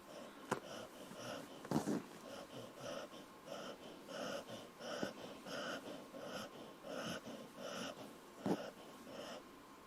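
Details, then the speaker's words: A sleeping pet dog breathes noisily, with rhythmic whistling, wheezy snoring breaths (about 13 cycles) and a few sharp snorts; the owner is uneasy about the breathing. "Dog's got the right idea though. I ain't liking that breathing though. Hey buddy. You okay?"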